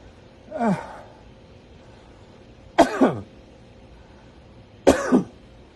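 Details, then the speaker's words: Three deliberate coughs, the last two strong and double-pulsed, done on hands and knees in a prone position, elbows dropped, head down, after a deep breath, to clear the lungs; voluntary cough. "then you drop your elbows like this and you put your head down and you breathe in deep and you cough"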